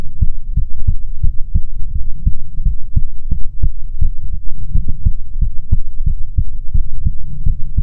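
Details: ASMR recording of soothing heartbeats: steady low thumping at about 80 beats a minute with a faint hum underneath; normal heartbeat.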